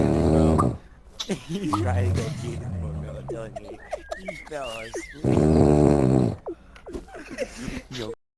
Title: Guy falls asleep in park and starts snoring loud